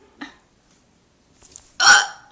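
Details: Hiccups during a bout lasting several minutes after eating Chinese food: two abrupt hiccups with a quiet pause between, the second loud and voiced.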